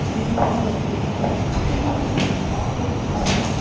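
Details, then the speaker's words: Handheld fetal Doppler on the pregnant abdomen: steady whooshing with soft pulsing swish at 84 a minute, likely the mother's pulse (venous flow) rather than the fetal heart. "Kalau ada resek gini ya, itu berarti kemungkinan adalah nadi ibunya, karena ada aliran vena kan."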